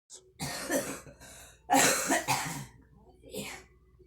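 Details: Girl coughing while smoking: several harsh, rough coughs in short bursts, then a quieter trailing cough, in a small room.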